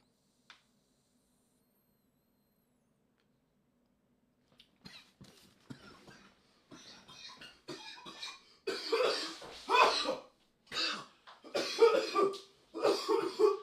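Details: Adult man in a coughing fit after using a vape cart, described as leaving him gasping for air: a quiet start, then a prolonged run of harsh coughs growing louder and closer together.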